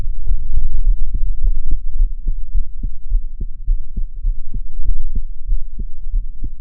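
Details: Heartbeat recorded while crying: steady paired low heart thumps at a brisk rate, roughly 100 a minute, over a low rumbling background.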